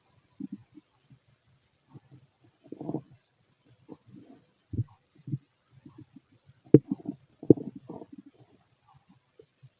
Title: Empty stomach noises and heartbeat